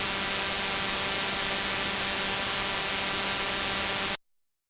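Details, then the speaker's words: Simulated tinnitus: a steady, harsh buzzing hiss with a low hum underneath that stops abruptly, illustrating the buzzing or hissing a person may hear in the ears. "Can you hear a whistling, buzzing or hissing in your ears? You could have tinnitus."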